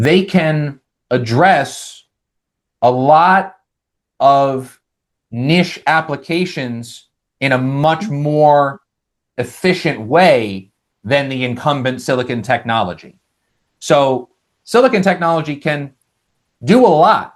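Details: Adult male with lifelong stuttering showing as vocal-cord blocks, managed with speech techniques such as airflow technique; this stretch has repeated words.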